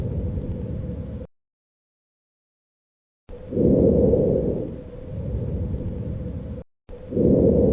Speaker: Vesicular breath sounds. You are listening to vesicular breath sounds.